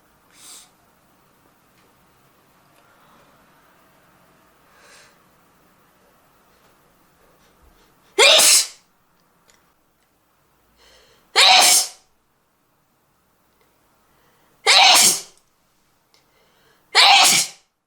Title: sneezing (sample)